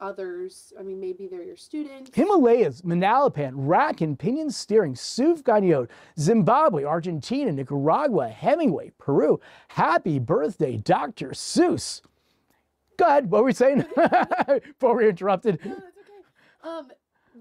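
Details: Tourette syndrome vocal tics in an adult man: random words and phrases burst out mid-speech; tics began at age 19 as loud whooping noises, with random words and phrases appearing later.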